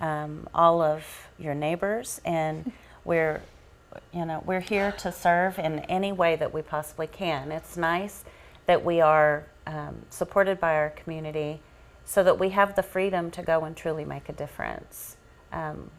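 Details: Adult woman speaking; Normal speech.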